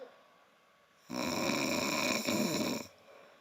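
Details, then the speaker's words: One long, harsh, rattling snore lasting almost two seconds from a sleeping adult, heard through a microphone during a livestream. "the snoring. It's it's part of the experience. Okay, snoring is a big part of the of the the viewing experience."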